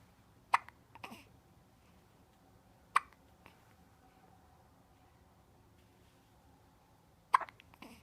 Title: hiccups